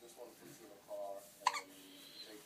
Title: Baby hiccups